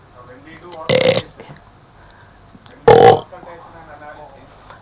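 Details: Esophageal speech demonstration, voice produced not by the vocal folds but in a burp-like way.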